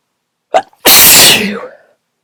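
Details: Strong, explosive sneezes with honking nose blowing later: a short intake of breath, then one loud, explosive sneeze that trails off; sneeze.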